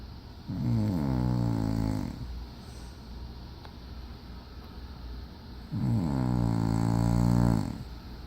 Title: Aunt snoring.**!